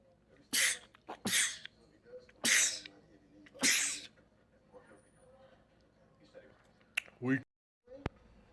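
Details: Male rapid sneezing attack from a sneezing compilation: four forceful sneezes in quick succession, then a few softer sounds; sneezing fit.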